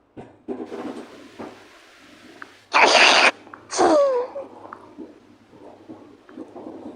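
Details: Cartoon sneeze from an animated show: a loud explosive burst with a short follow-up, against quiet room noise.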